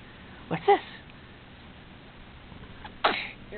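Two sharp sneezes about two and a half seconds apart over low room noise: ordinary sneezing.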